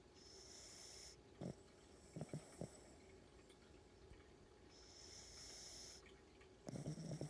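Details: A sleeping dog snoring: soft, hissing snores on the breaths, with a few short snorts between them.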